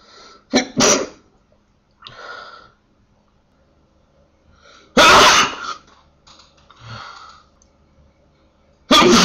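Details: Sneezing fit, part of 10 sneezes in 55 seconds: three loud, sharp sneeze bursts, each with a quick intake and explosive release, separated by quiet breathing.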